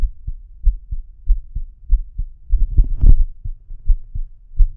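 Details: Normal heartbeat recorded with a homemade stethoscope microphone (lavalier mic inside stethoscope tubing): steady low lub-dub thumps, about 70 beats a minute, with some handling rumble.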